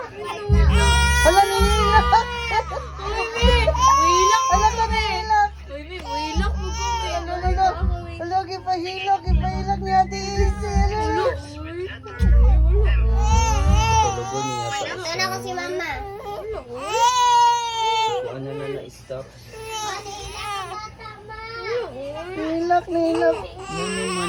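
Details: Baby made to cry by older sister (Ate): repeated high-pitched crying wails and whimpers over background music and family voices; infant crying.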